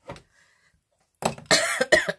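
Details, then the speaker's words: Adult woman coughing while filming a vlog: a brief cough, a pause, then three or four harsh, partly voiced coughs in a small room. "petit jeu précis je me retrouve tout excuser moi vous entendez que je tousse et tour fait de excusez-moi 2 tous"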